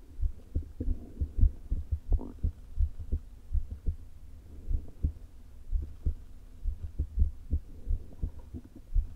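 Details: Adult woman's heart through a stethoscope placed low on the chest, before her open-heart surgery: soft, low thumps at an irregularly irregular pace from atrial fibrillation with a leaking heart valve, with faint stomach gurgles.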